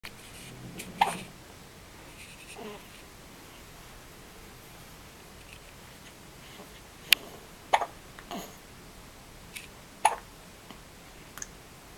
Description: First hiccups at less than 24 hours old.